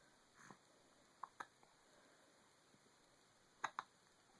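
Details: Hiccups.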